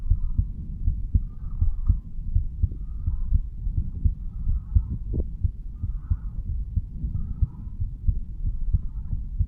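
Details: 35-year-old male standing, heartbeat recorded at the mitral (bicuspid) valve area: low, repeated heart thumps with steady rumbling background noise; normal heart sounds.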